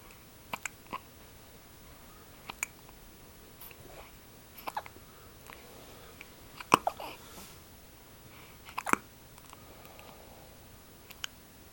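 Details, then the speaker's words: 3-day-old newborn girl with hiccups after feeding too fast: brief, sharp, irregular little catches, about two dozen a minute, in a quiet room; infant hiccups. "Got the hiccups, huh? Hmm. Oh, I'm sorry. You're unhappy."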